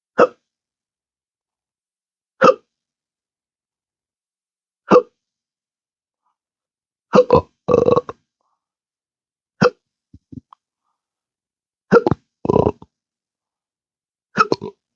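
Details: Adult with intractable hiccups since December 2015 after surgery with nerve damage (pudendal nerve injection, phrenic and vagus nerves affected): sharp hiccups every two to three seconds, about 13 a minute, with longer belch-like sounds; persistent hiccups with belching.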